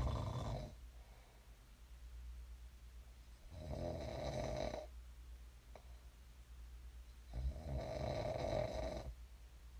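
Low, fluttering snores on each breath, three in about ten seconds, with soft breathing between. Ordinary sleep snoring.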